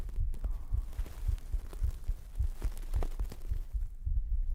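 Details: Pre-recorded normal heartbeat played as an ASMR sleep trigger, recorded with a 3Dio binaural microphone: steady, low thumping at about 107 beats a minute with a faint background hum.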